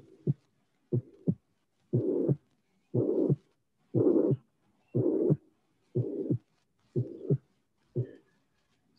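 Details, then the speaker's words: Tricuspid regurgitation with Rivero-Carvallo sign in a patient breathing out then in: regular beats near 60 a minute with a rough systolic murmur that swells on inspiration and fades on expiration. "So now we have listened without my comments, but I think that it's clear that there is a cyclic variation of the presence and entity of the murmur. So try to figure out the patient. The patient is making expiration, then inspiration, and then the murmur becomes more important."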